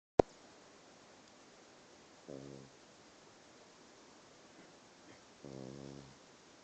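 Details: Pug dog snoring: two short buzzing, vibrating snores about three seconds apart in a quiet room.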